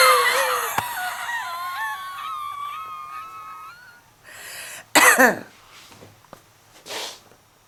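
Drawn-out, high-pitched whistling breaths, then a burst of heavy, harsh coughs. The cough comes with audible wheezing.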